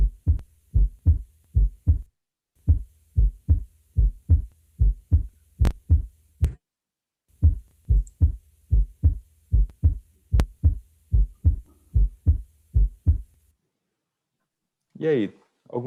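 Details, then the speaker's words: Simulated adult patient (Agenor) heart auscultation via headphones in a teaching case: steady rhythmic two-part beats near 74/min, no aortic stenosis or mitral regurgitation murmur heard; normal heart sounds. "As bolhas estão em 2 tempos, né? Não escutei nenhum sopro de estenose aórtica, não escutei sopro de insuficiência mitral."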